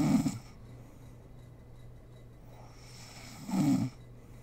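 Two low, rough snores about three and a half seconds apart, with quiet room hum between them. Snoring.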